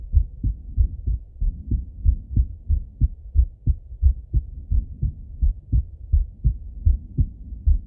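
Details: Male full heart auscultation through a stethoscope, recorded partly sitting at a desk and partly lying in bed: steady paired lub-dub heartbeats at roughly 90 beats a minute; heart sounds.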